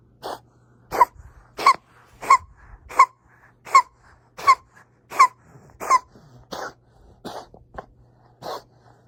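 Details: 7-month-old cat coughing for the past month; vet X-rays suggested possible heart failure or asthma, and he is on medication. A run of about twelve short, harsh, evenly spaced hacking coughs.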